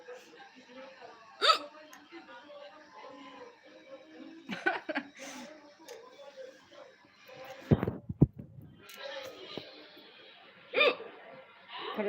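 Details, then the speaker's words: Hiccups during a live stream, which the speaker attributes to having just eaten spicy chilli: brief, sharp, gulping hiccups at intervals between soft speech, with faint music behind. "थोड़ा झाल खा लिए, मिर्ची खा लेते हैं ना तो थोड़ा हिचकी आ जाता है, कभी तेज मिर्ची।"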